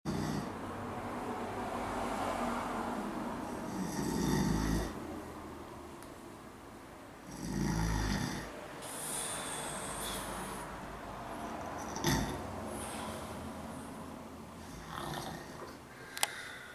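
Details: An adult man, the uploader's brother, asleep: deep, rough snores recur every few seconds over steady room noise. Loud snoring.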